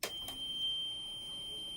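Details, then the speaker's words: Home oxygen concentrator being switched on by pushing the power button: a click and a short burst, then a steady high-pitched start-up alarm while all three indicator lights come on. "Now to turn this machine on, we are going to push this button and you're going to have an alarm that comes on and all three lights will come on your concentrator. So we're going to push the button, we're going to hear an alarm."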